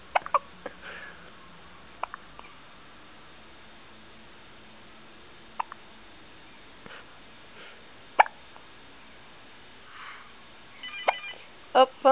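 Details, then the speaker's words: Baby girl: brief, sharp, irregular little catches over quiet room noise, with a few soft baby sounds: infant hiccups. "Poor baby. Somebody needs to invent a hiccup takeaway, if that makes any sense."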